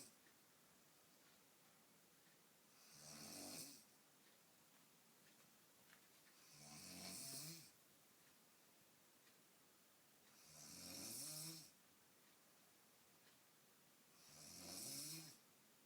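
Four slow, regular snoring breaths, each a low rattling rumble with a breathy hiss, about 16 a minute, with quiet gaps between.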